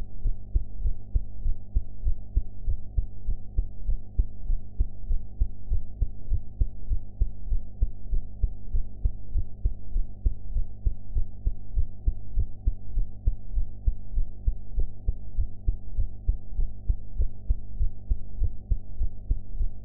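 Steady, regular low heartbeat thumps at about 98 beats a minute over a low hum; ordinary heart sounds after a meal.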